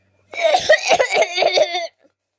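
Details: A brief run of several rapid, voiced coughs from an adult, lasting under two seconds.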